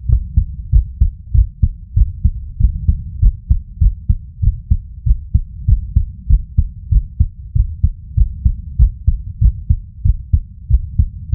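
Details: Strong, regular heartbeat heard through a Stemoscope set to a 70–200 frequency filter; somewhat fast at about 95–100 beats a minute, with paired lub-dub thumps.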